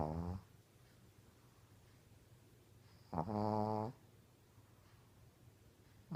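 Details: Shih Tzu dog snoring: two rattling, buzzing snores separated by a few seconds of quiet breathing.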